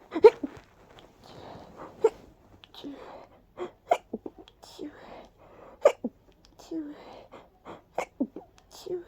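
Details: Person with severe allergies, feeling light-headed after: many small, breathy, sharp sneezes in nine seconds with quick intakes of breath between.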